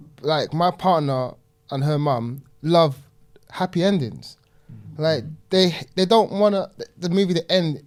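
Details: Person who stutters, speaking in a group discussion and describing stuttering as a disability that cannot be turned off; stuttering.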